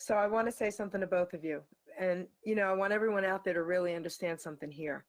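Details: Adult woman; typical speech.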